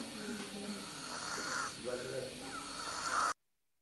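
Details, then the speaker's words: Biphasic stridor, heard on both breathing in and out, in a patient with bilateral abductor vocal cord paralysis, cords in midline: harsh, noisy, strained whistling breathing, then a short loud gasp after a pause. "So if a patient has biphasic stridor, evaluate the airway."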